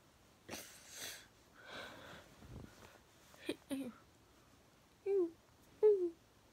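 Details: Moderately bad vocal tic day; vocal tics.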